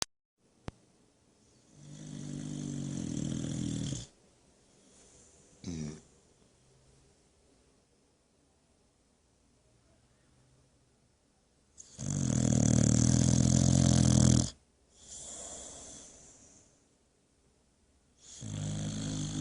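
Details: Boxer dog asleep and worn out after a busy day at the park, snoring like an old man: deep, rattling snores of a few seconds each separated by quiet pauses.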